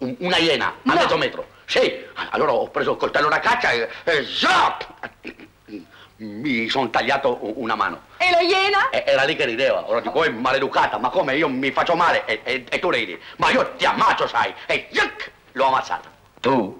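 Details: Acted stuttering by an adult male comedian playing a character with a pronunciation defect in a 1965 Italian comedic commercial; stuttering (acted).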